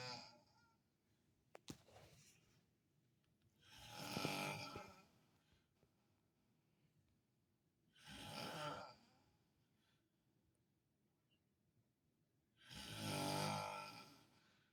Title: The Best Daddy in the world Snoring while staying with me at Hospital. funny snoring like a bear.